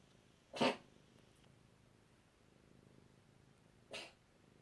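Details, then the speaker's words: Cat coughing for about 2-3 minutes, now winding down and lighter; owner suspects something in the lungs: two brief, sharp, harsh cough bursts about three seconds apart; cat cough. "It's winding down now. It's much lighter than it was. There's something in our lungs. This has been going on for like 2 or 3 minutes."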